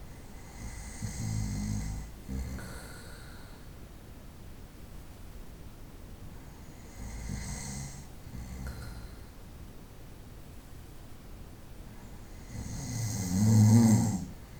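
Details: Slow, low rumbling snores with quiet gaps between breaths, about three in fifteen seconds, the last louder; ordinary night-time snoring from a 25-minute night recording.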